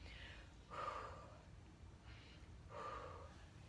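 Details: Normal vesicular breath sounds auscultated during a lung and thorax assessment of a female patient, with no abnormalities noted.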